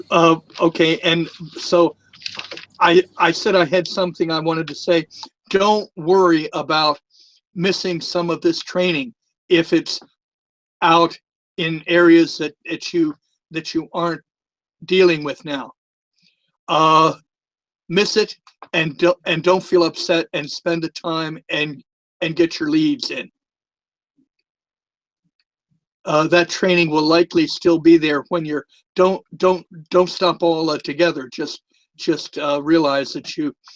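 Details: Retired adult male former social worker with a speech impediment, a lisp and stuttering for years, more noticeable with the microphone close to his mouth; stuttering.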